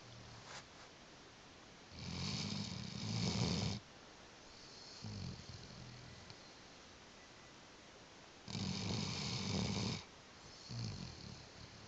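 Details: Rescued dog, later diagnosed with T-cell lymphoma, asleep on a bed: long rumbling snores about every six to seven seconds, roughly 9 a minute, with softer breaths between; ordinary snoring.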